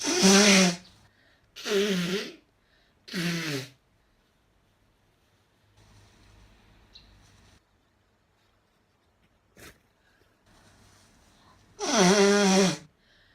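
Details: Japanese woman sneezing and blowing her nose: four loud, abrupt voiced sneezes, three close together and one after a pause, with faint nose-blowing and rustling between them.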